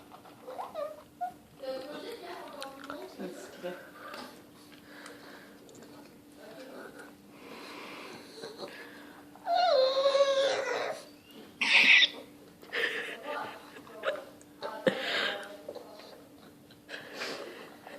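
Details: Pug that makes these noises every time he eats, which the owner finds unusually intense: irregular snorting, snuffling and wheezy noises with a few louder harsh snorts; noisy upper-airway breathing while eating.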